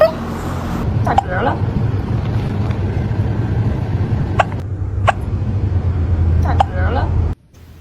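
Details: Cat with hiccups after eating food too fast: a few brief, sharp hiccup clicks, partly masked by loud car noise and nearby talking.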